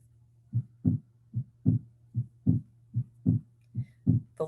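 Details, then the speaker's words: Split S2 played in a cardiovascular physiology lecture: regular heartbeat at about 75 a minute, with the second sound doubled, lub-dub-dub instead of lub-dub. "okay all right let's listen to a split s2 so instead of a nice lub dub you get lub dub dub lub dub dub lub dub"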